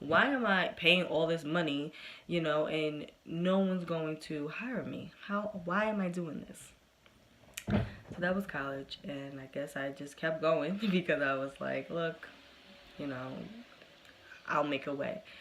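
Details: Adult woman who has stuttered since about age four, covert stuttering in high school, says she has slowed down with age; stuttering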